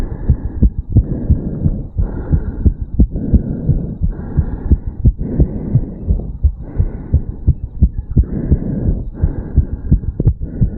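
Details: 34-year-old male, recorded at the mitral valve area just after a quick morning jog: rapid, regular, strong heart sounds, fast heartbeat after exercise.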